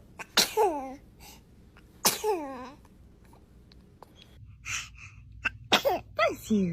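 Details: Newborn: two sharp sneezes, each with a brief high-pitched vocal tail, followed by soft infant fussing sounds; sneezing.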